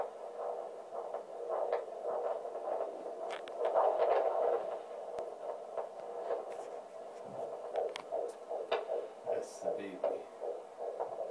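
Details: Normal fetal heartbeat on Doppler, timed at about 140–150 a minute: rapid rhythmic whooshing pulses over a steady hum.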